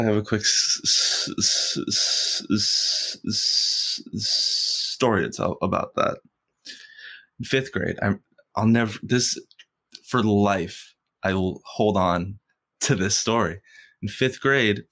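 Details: Stuttering in an adult man who has stuttered since first grade and stutters most when asking people for things.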